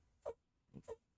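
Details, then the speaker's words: Faint, brief puffing bursts heard at a distance, picked up by a microphone; small sneezes from a female cat. "my cat is sneezing I think you probably hear that my mic picks up everything"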